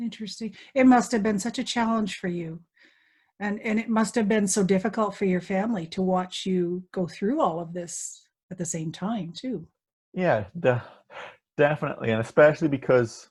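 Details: 18-year-old man with a lifelong stammer, a neurological condition; he reports blocking on words; stuttering.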